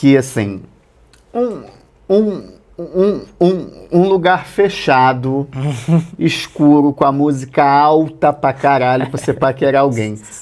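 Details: Adult man who has stuttered since childhood and uses a tongue-clicking habit as a coping aid for his stutter; stuttering.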